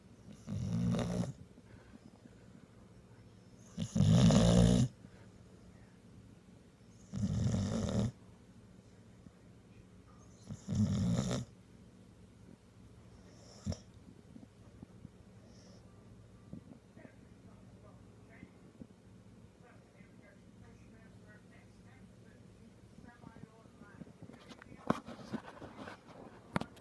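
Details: Sleeping pitbull puppy snoring only while the owner's hand rests on his neck, without pressure: four loud, rattling snores about every three seconds, then quiet breathing as the snoring stops.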